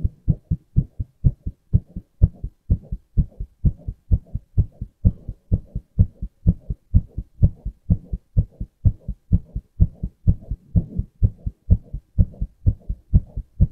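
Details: Male heartbeat from a recorder app: steady, regular heartbeat at roughly 125 beats a minute, paired thumps clearly heard.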